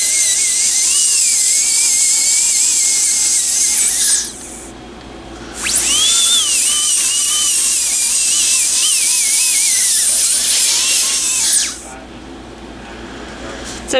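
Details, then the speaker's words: High-pitched dental handpiece whine in two long bursts with a short pause, pitch dipping under load, smoothing the edges of a temporary crown during a single-unit crown procedure. "just makes it so that all the edges are nice and smooth this little spot right here i'll just kind of smooth it up a little bit more"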